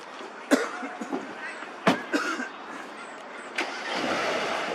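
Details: Adult man coughing after smoking a cigarette outdoors: three short, sharp coughs spaced a second or two apart over steady street traffic; cough.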